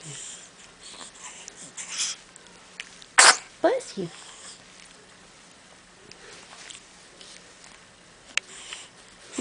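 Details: A baby girl gives a small, sharp sneeze followed by brief soft vocal sounds in a quiet room while playing on her play gym early in the morning.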